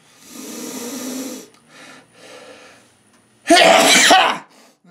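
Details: A single sneeze: a quiet intake of breath, then one loud, explosive burst of air through the nose and mouth.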